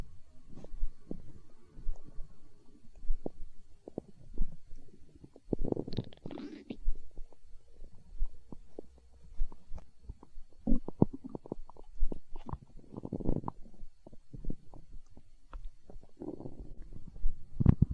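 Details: Hunger stomach growling recorded for ASMR: repeated irregular low gurgling and bubbling rumbles from the belly, normal bowel sounds (borborygmi).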